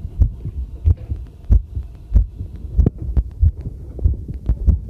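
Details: Own normal heartbeat recorded with a homemade field stethoscope microphone during housework: regular low thumping at about 94 a minute, with faint clinking and running water behind.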